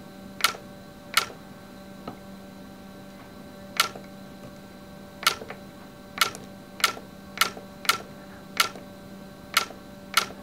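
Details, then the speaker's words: Sharp, separate clicks at irregular intervals, about eleven in ten seconds: YAG laser pulses firing during live vitreolysis of a Weiss ring floater, a normal treatment sound. "don't move now you're going to hear some clicking sounds this is normal okay no worries"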